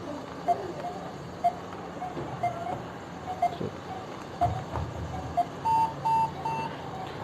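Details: Breas Vivo 65 portable ventilator, used for invasive or noninvasive ventilation: short electronic beeps about once a second, then a few longer, higher tones. The ventilator alarm sounds during its pre-use self-test.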